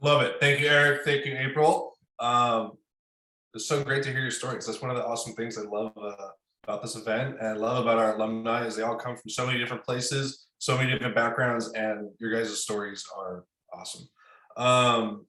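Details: Adult man speaking; typical speech.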